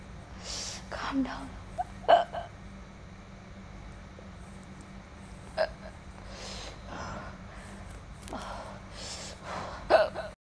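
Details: A girl eating spicy, chili-hot food gets hiccups: several short, sudden gulping catches spaced seconds apart, between quiet chewing.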